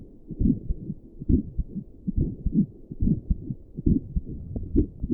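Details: Own resting heartbeat recorded with Doppler plus stethoscope while sitting at a desk for five minutes, visible neck pulse: steady, regular low thumping, about 70 beats a minute, muffled whooshing Doppler quality. Normal heartbeat.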